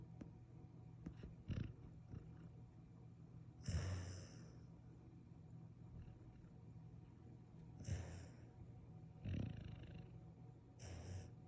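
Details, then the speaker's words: Snoring in sleep: low, rumbling snores with snorting breaths roughly every 4 seconds, about 15 breaths a minute, with faint room noise. "Hi. You have a good dream? You're snoring."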